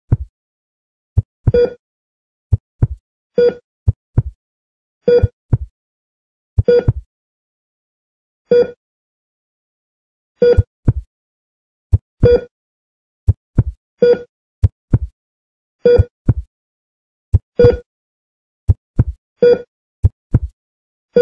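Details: Hospital heart monitor sound effect: steady beeps at about 33 per minute, each paired with low heartbeat-like thuds.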